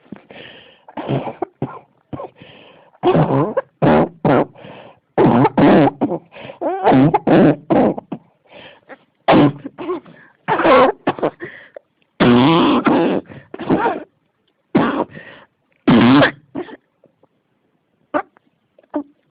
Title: 咳が止まらない 44 cough